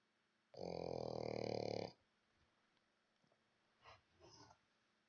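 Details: Snoring from Buddy while he is trying to sleep.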